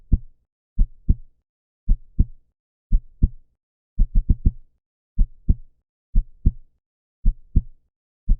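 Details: Human heartbeat sound effect, described as a normal heart sound at 125 beats per minute: clear paired lub-dub beats at roughly 60 a minute, with one extra closely spaced pair midway; normal heart sounds.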